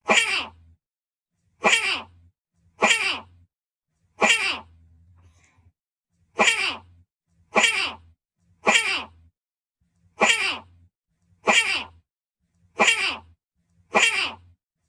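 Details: Baby gorilla at a zoo with hiccups: eleven sharp, abrupt vocal bursts at irregular spacing, roughly 45 to 50 a minute.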